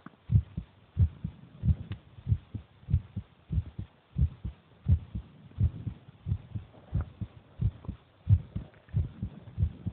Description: that is the heartbeat of my brother while he eats